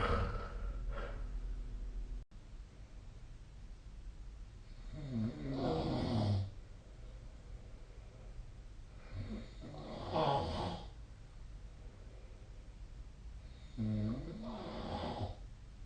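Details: Adult sleep recording from a snoring-tracking app: deep rough snores on each breath, about one every four seconds, with quiet pauses between; snoring.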